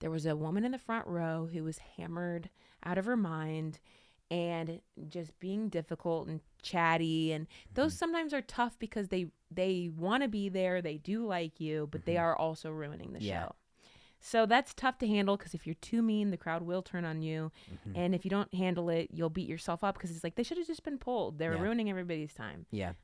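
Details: Adult woman; Normal speech.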